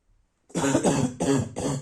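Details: Harsh, hoarse barking cough in a run of three, occurring at night.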